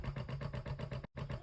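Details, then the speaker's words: Limerick Joy electric breast pump running with cups pushed together to test it: rapid rhythmic motor pulsing, about seven pulses a second, with a brief break. "And the way you do that is that you get your cups and you push it together like that. So it starts pulsating, as you can see."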